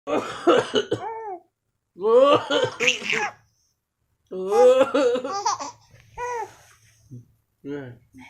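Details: A few short coughs from a father alternate with bursts of an infant's giggling laughter in a quiet room; the baby laughs as the father coughs.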